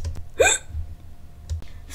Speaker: bruh why you hiccuping i can't control it come back what help me with my hiccup problem